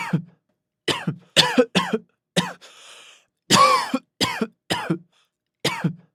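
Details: Severe coughing fit in a man: repeated harsh, forceful coughs, about ten bursts in six seconds, with a short wheezy breath in between.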